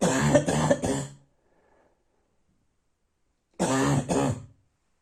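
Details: Harsh, hoarse barking cough at night, two bouts of voiced coughs, three then two.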